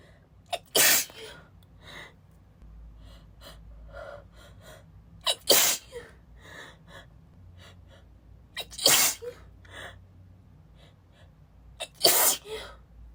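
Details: Sneezing fit in someone who is still a little sick: four loud, breathy, spraying sneezes about three seconds apart, each preceded by a quick gasp, not suppressed.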